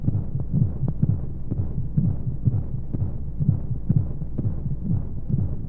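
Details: Baby sleep-aid womb sound: steady, low, muffled heartbeat thumps at about 125 a minute with a soft whooshing background and white noise, like a heartbeat heard inside the womb.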